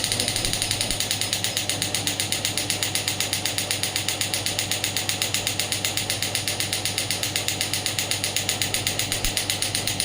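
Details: Rapid, regular sharp ticking pulses, about four per second, from a pneumatic radial shockwave (ESWT) therapy device firing shots.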